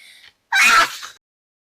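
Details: A single allergy sneeze: a short in-breath, then one sharp, loud sneeze that trails off.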